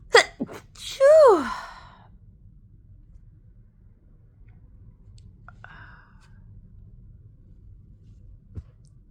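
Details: Tail end of a sudden, powerful sneezing fit: a few sharp sneeze bursts, then sighing "phew" breaths and quiet.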